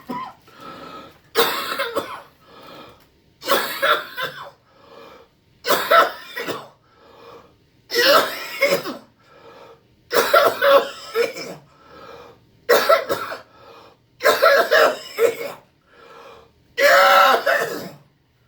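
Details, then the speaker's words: A 76-year-old man with a seven-month history of cough-induced vertigo and slight left-beating nystagmus coughs deliberately on request during an eye exam: about nine forceful coughs with brief quiet breaths between. "now just look straight ahead all right go ahead and cough for a while"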